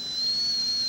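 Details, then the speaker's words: Steady high-pitched whistling whine of a dental air turbine handpiece in a dental school unit, foot-control activated, with atomized air-water mist coolant, turbine capable of 300,000–500,000 rpm. "atomized mist of air and water which is a very excellent coolant and of course vitally necessary for the high speeds of rotation which are attainable with a turbine in excess of three uh four even 500,000 revolutions per minute"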